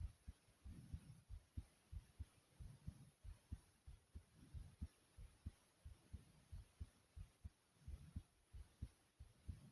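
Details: Quick, regular heart thumps at about 92 a minute with heavy breathing after jumping jacks; normal racing heart after exercise.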